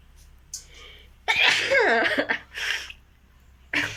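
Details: Deliberate sneezing in a sneezing and nose-blowing challenge: short breathy intakes, then a loud voiced sneeze and further sharp bursts.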